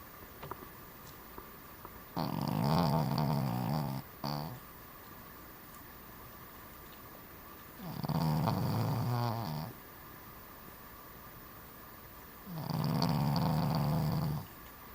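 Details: Cavalier King Charles Spaniel dog snoring while asleep: loud rasping snores in long regular bursts with a short snort between the first two, over a steady room hum.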